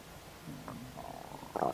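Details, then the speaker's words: Loud, seemingly never-ending stomach noises just after eating a snack of ribs: low gurgling rumbles rising to a louder burst at the end; bowel sounds (borborygmi). "My goodness. My stomach enjoyed that. My goodness. It's just never ending."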